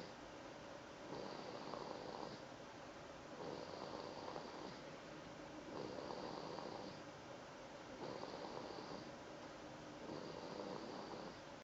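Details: Steady rhythmic snoring, about 28 breaths per minute, each inhalation a soft rasping snore in a quiet room.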